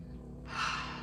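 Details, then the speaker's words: Pet named Buttercup snoring in the background while sleeping: after a quiet moment, a single breathy, snorting intake of air; snoring. "by the way you're gonna hear buttercup snoring in the background because she's with me and uh yeah she's snoring today so that's what that noise is"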